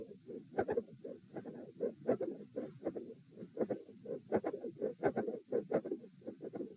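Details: Heart sounds recorded at position A during a posture stress test (lying, then sitting, standing and lying again): a mid-systolic click with a fixed split S2.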